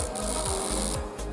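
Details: Battery-powered home high-frequency sonic dental scaler (31,000 vibrations per minute), demonstrated on cheese: a loud, steady buzzing whine with brief rattling changes as the stainless-steel tip contacts a surface.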